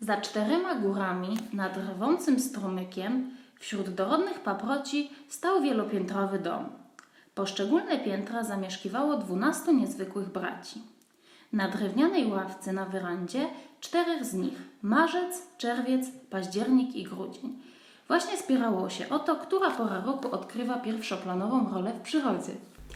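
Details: Adult woman reading a passage before therapy, Polish /r/ replaced by a uvular trill (velar rhotacism), with a slightly shortened lingual frenulum, no malocclusion and no other speech defects; uvular rhotacism (uvular r).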